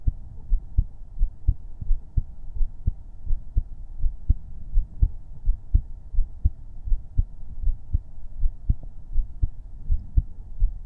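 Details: A normal heartbeat recorded for ASMR with a 3Dio binaural microphone, with no talking: steady, soft low thumps at about 80 beats a minute over a faint low hum.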